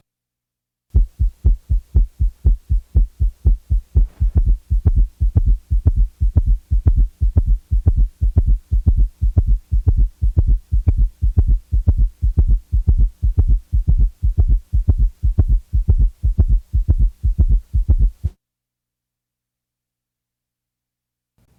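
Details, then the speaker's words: Teaching recording: summation gallop at rapid heart rate, S3 and S4 occurring simultaneously as a very loud diastolic sound midway between S2 and the next S1, added to rapid regular low-pitched heart sounds. "at a rapid rate S3 and S4 may occur simultaneously and are heard as a very loud diastolic sound known as a summation Gallop the gallop sound falls midway between the second sound and the first sound of the next beat"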